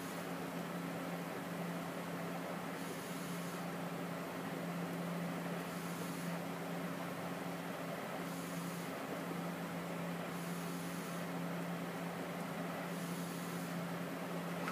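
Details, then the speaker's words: Respironics BiPAP Synchrony non-invasive ventilator demonstrated on the presenter's own spontaneous breathing, settings left at 4: steady blower rumble with a periodic airy hiss every few seconds as it delivers IPAP on each breath and EPAP between. "once you have it on your patient and they're spontaneously breathing you can actually cycle through and watch it deliver the ipap and epap"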